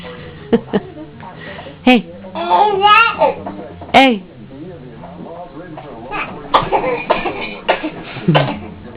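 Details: Infant fake coughing in an exersaucer: short deliberate little coughs mixed with babbling and squeals; imitated, playful voluntary cough, not an illness cough.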